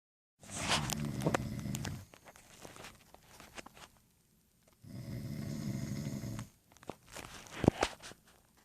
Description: I woke up in the middle of the night to this horrible snoring coming from my family.